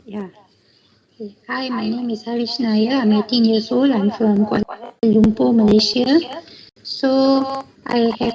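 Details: 18-year-old male with a high-pitched voice since age 13 and occasional voice breaks; normal vocal cords, no sulcus or phonatory gap, only thin cord edges vibrating; 5 years of prior therapy without change; before treatment; puberphonia (mutational falsetto).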